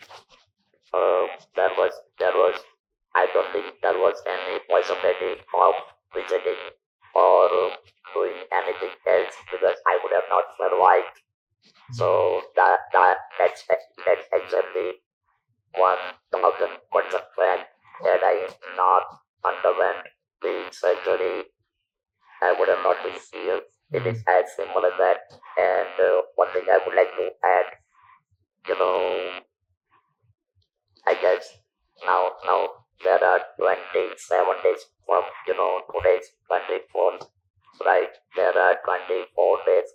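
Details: Male survivor of stage 4 vocal cord (throat) cancer since 1997, natural voice removed by surgery, about 10,000 days since; speaks using an electrolarynx device; electrolarynx speech after laryngectomy.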